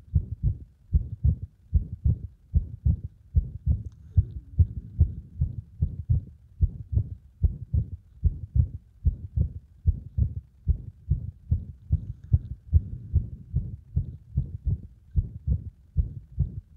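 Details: Heart sounds with frequent arrhythmia attributed to cardiac compression; about 74 a minute with uneven spacing and frequent out-of-rhythm beats; irregular heartbeat with many extra beats.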